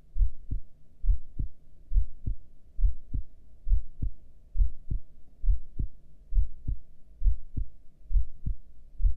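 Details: Normal heart sounds during a breath hold, with heart rate display: steady, regular two-part heartbeat at about 68 beats a minute, no breath noise.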